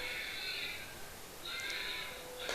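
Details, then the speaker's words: Two high, thin, steady wails from a software-controlled birthing simulator imitating a newborn's first cry at delivery during a simulated vaginal birth demonstration. "So everything can be seen beautifully. You can hear the baby's cry also, baby is"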